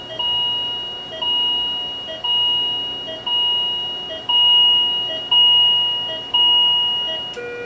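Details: Repeating electronic chime about once a second from a Philips MMS patient monitor during ECG testing with a patient simulator: patient monitor alarm.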